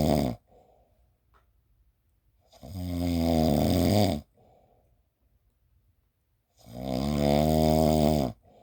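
Loud, long rattling snores about 15 breaths a minute, with quiet breathing between them.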